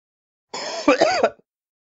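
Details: Adult man, sound-effect recording: one loud, harsh, rasping cough close to a throat-clear, ending in a short voiced grunt.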